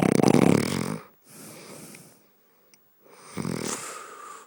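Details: Snoring: a loud rattling snore on the in-breath, a quiet pause, then another rough snore beginning; ordinary snoring.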